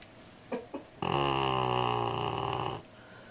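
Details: Black Labrador puppy asleep at the office, snoring: two short snuffles, then one drawn-out, rattling, droning breath of nearly two seconds.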